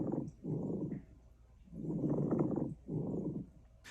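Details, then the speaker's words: Harsh, leathery, grating creaks like walking on fresh snow, on both inspiration and expiration, from inflamed pleura: pleural friction rub, often confused with coarse crackles. "now plural friction rub which is commonly confused with coarse crackles is a harsh leathery sound kind of like walking through fresh snow caused by inflammation of the plura"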